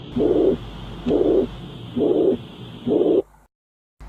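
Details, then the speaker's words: Mitral regurgitation heard by stethoscope: four long blowing whooshes at about 67 a minute, a holosystolic murmur from a leaking mitral valve. "यदि patient mitral regurgitation से सफ़र कर रहा है तो स्टेथोस्कोप से इस प्रकार का साउंड सुनाई पड़ेगा।"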